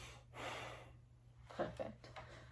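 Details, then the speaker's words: 35-year-old patient taking a deep breath in and out, arm lifted, stethoscope auscultation over the posterior chest during a head-to-toe assessment; soft normal vesicular breath sounds, quiet room noise. "so uh vesicular lung sounds um auscultated"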